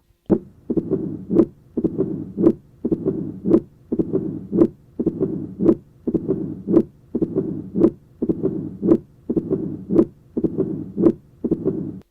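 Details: Low-pitched rumbling presystolic murmur of mitral stenosis, best heard at the apex with the patient in left lateral position, with a loud first heart sound and an opening snap.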